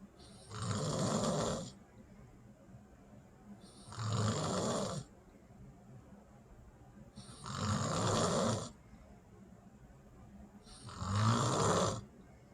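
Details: A woman asleep at night: loud, rough snores repeating about every 3.5 seconds, roughly 17 a minute, with quiet pauses between; ordinary heavy snoring.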